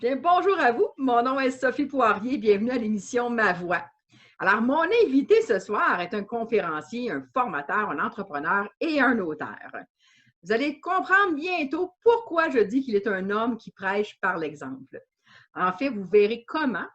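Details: Adult woman speaking French; fluent speech.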